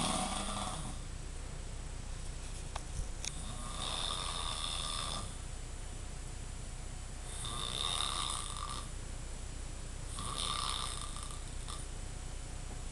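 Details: Man snoring after a big night out: three rough, breathy snores about every three seconds against a low room hum.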